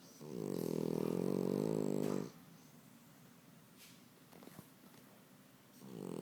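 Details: French bulldog snoring: a long, buzzing, rattly sound on breathing in, then quiet, then another starting, in a quiet room.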